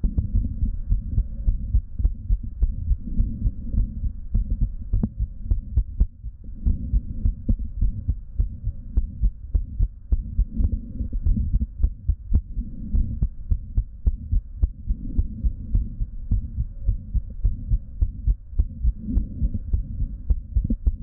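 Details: Female patient diagnosed with diastolic dysfunction and a heart murmur, Littmann stethoscope at rest: steady heart thumps with a soft whooshing between beats; heart murmur.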